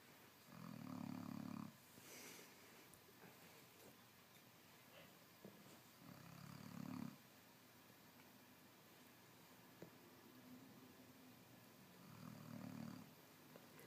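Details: Snoring during sleep: loud, low rumbling snores on slow breaths, three in about 14 seconds, separated by quiet exhalations.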